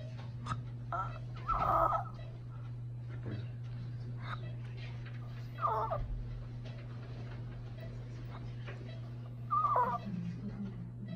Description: Patient during DISE without CPAP. Spontaneous epiglottal collapse during pharmacologic sleep.